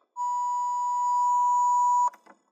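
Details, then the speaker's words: Training AED shock tone: steady high electronic tone about two seconds, ending abruptly with a click, after "shock advised, stand clear" and pressing the flashing shock button; prompt "shock delivered", then immediately resume chest compressions for cardiac arrest. "shock delivered start CPR after the shock immediately resume chest compressions"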